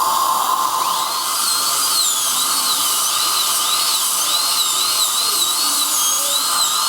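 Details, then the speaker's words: High-pitched dental drill running steadily, pitch wavering under load, as it cuts away an old crown from a male patient's tooth before CEREC crown preparation. "So we're gonna, first thing we need to do is take that old crown off of that. So we're just gonna start doing that before we do anything else."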